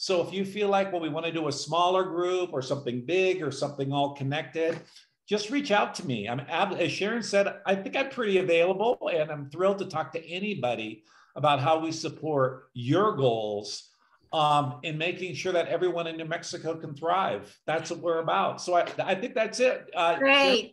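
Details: Adult speaker; normal speech.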